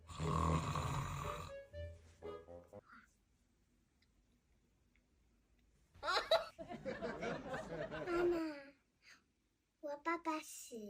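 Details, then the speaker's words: Husband snoring during sleep: loud, rough, rattling snores with mouth breathing, alternating with stretches of silence; a woman talks and music plays in the background. "一会儿那个呼噜打的震天响，一会儿又没有动静，你这一惊一乍的，一惊大，娘俩都没法睡觉了。"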